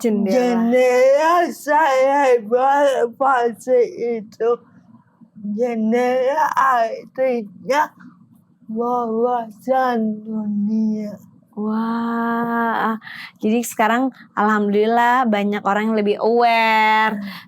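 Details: Adult woman with cerebral palsy, with gross and fine motor limitations; dysarthria (cerebral palsy).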